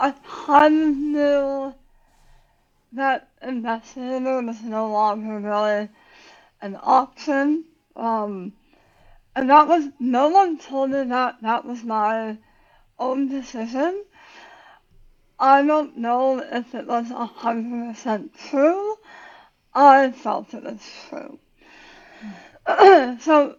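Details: Adult woman about 9 years after tongue cancer surgery with leg-flap tongue reconstruction and radiation; relearned to talk, speech worse when tired, some words she cannot say; speech difference after glossectomy.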